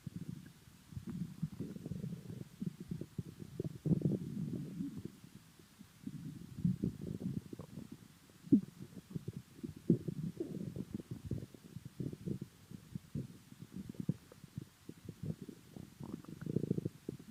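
Low gurgling and rumbling from the abdomen, irregular bursts throughout, consistent with ordinary bowel sounds.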